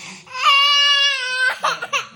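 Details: A young girl crying with a sustained, loud, high-pitched wail of about a second, then sobbing catches; she cries after pouring water around the house and being told off or refused.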